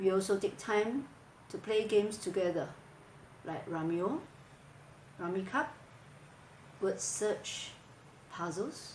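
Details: Adult woman speaking; Normal speech.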